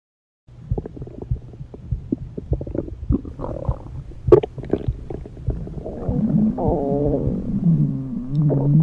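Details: Stomach rumbling (borborygmi), no talking: low gurgling and bubbling rumbles rising into longer groaning gurgles from gas and fluid moving through the gut.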